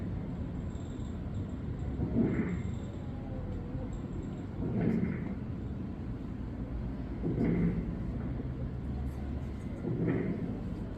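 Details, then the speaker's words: Pediatric respiratory teaching on pharyngotonsillitis and croup: a noisy chest recording with regular breaths and rough crackles attributed to mucus from inflamed bronchi. "bien se dan cuenta esto responde justamente a la inflamación como va a haber inflamación y como estamos hablando de los bronquios obviamente hay cierta viscosidad va cierta mucosidad producto de la secreción en la respuesta inflamatoria"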